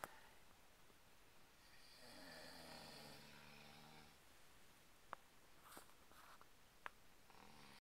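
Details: Three people snoring at the same time in one room: low, rumbling overlapping snores over steady room noise, with soft snorts and brief clicks.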